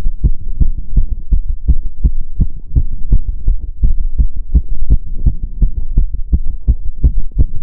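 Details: Own heart sounds recorded during step-up exercise (stair stepping): fast heart sounds while exercising.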